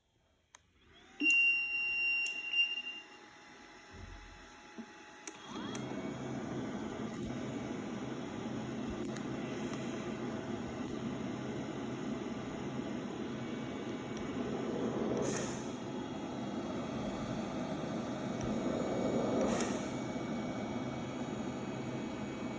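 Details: LTV 1200 portable transport ventilator for adult and pediatric patients: start-up beeps, then a steady motor hum with faint periodic breath swells; mechanical ventilator operating sound.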